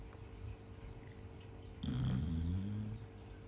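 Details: One-year-old Chow Chow dog that always snores loudly while sleeping, even through household noise: one loud, deep, rattling snore over room hum; snoring.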